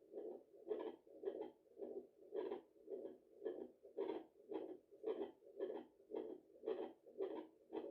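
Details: Mother at 34 weeks of pregnancy checking her own heartbeat with a home fetal Doppler after a large meal: rhythmic whooshing pulses about 109 a minute; she feels it is beating a bit fast, possibly from tiredness.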